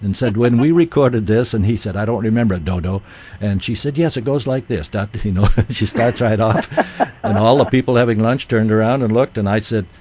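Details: Adult man speaking, radio broadcast; healthy voice.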